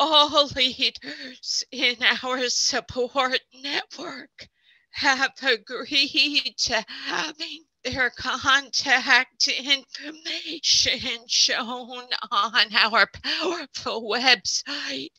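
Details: Spasmodic dysphonia in an adult man who counts himself among people with SD.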